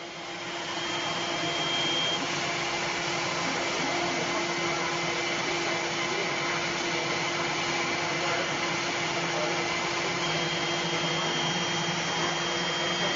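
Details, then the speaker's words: A steady mechanical whirr and hum with a faint high whine: a dental dry milling machine with built-in vacuum evacuation running as it begins milling a zirconia crown. "so this is called a dry Mill and it's being evacuated the whole time it's got a like a vacuum cleaner inside to capture all the bits and pieces but it's really deadly accurate"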